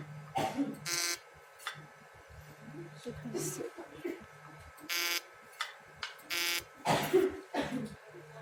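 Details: Repeated short buzzing bursts with brief talk in the background; a portable fractional CO2 laser (LS-X1A) firing at its highest power during a device demonstration.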